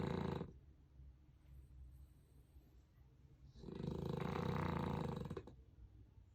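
Long, rattling, congested snoring breaths with quieter snuffly breathing between: snoring from a stuffy nose.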